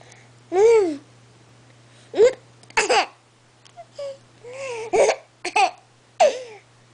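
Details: A young child laughs and babbles, broken by abrupt short voiced catches; hiccups.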